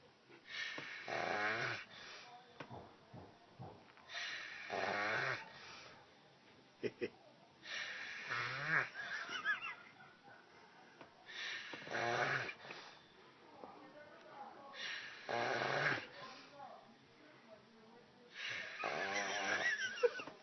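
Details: Human snoring: loud, rough, rattling snores with quieter breaths between, about 17 breaths a minute.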